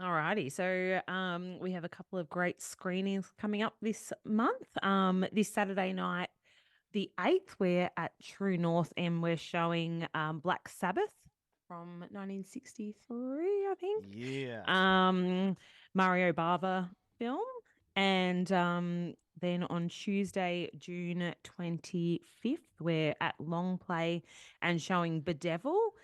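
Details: Adult woman speaking; Normal speech.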